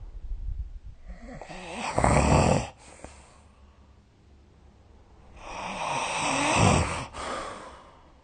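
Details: Sleep snoring recorded with the SnoreLab app: two loud, rattling snores on inhalation, each followed by a softer breath out, in a quiet room.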